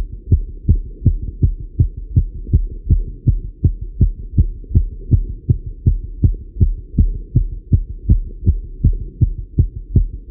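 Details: Male heartbeat recorded while riding a bike: fast, regular heartbeat at about 160 beats a minute, a normal rapid rate during exercise.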